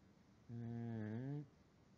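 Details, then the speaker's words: A pug snoring at night while resting on a pillow: a single rough, buzzing breath sound about one second long, typical of a short-nosed dog. "You were snoring. Wilson was snoring. I heard you snoring, buddy."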